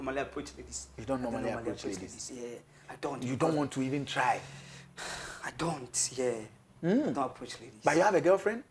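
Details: Two adult men in conversation; speech.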